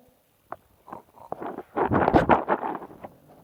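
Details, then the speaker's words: Sleeping, hard-to-wake dog, possibly dreaming, snores loudly: a single loud, rattling, snorting breath rises from soft clicks and faint breathing. "actually start this video because I want you to hear how loud my dog is and slow. That is not me, that is the dog."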